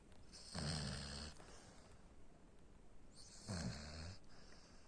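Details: 4.5-month-old Labrador Retriever puppy snoring in sleep: two soft, low snoring breaths with a faint wheezy hiss.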